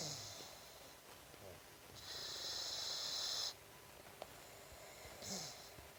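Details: Boxer puppy sleeping very deeply after a 2-hour forest walk: soft hissing, whistling breath noises in a few separate breaths; light snoring.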